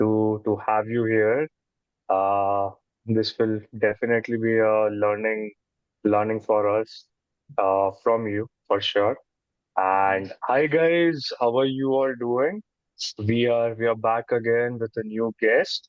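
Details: Adult man, a podcast co-host who describes himself as someone who stutters; word and phrase repetitions heard; stuttering.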